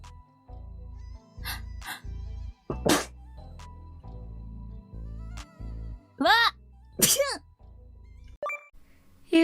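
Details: Sneezing: two sharp, breathy sneeze bursts close together over steady background music, with a few clicks between them.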